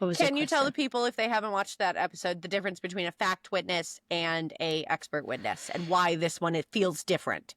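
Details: Adult woman speaking; normal speech.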